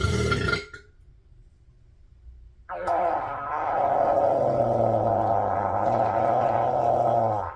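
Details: Burping after a lunch of pizza, fries and a shake that caused bloating: a short burp, a pause, then one long, loud, rumbling burp lasting about five seconds.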